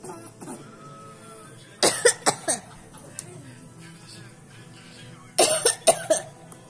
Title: öksürük taklidi